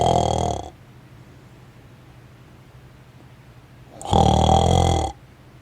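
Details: Sleeping person snoring near a contactless anti-snore device that wakes the snorer with a flashing light: two loud, rattling snores about three seconds apart, low room hum between; ordinary snoring.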